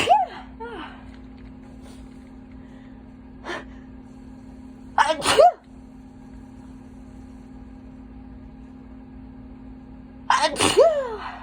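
Three sneezes with sharp gasping intakes before each, plus a smaller catch of breath, over a steady hum; wet-sounding, uncovered sneezes.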